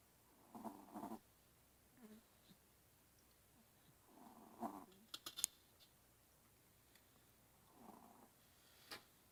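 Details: Light snoring: soft, fluttering breath noises repeating every few seconds, about 15 a minute, in a quiet room.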